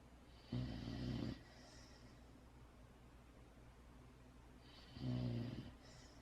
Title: Puppy snores